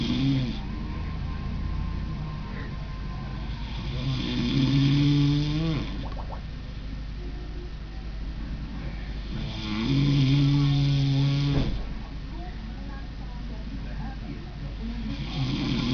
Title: LD Snoring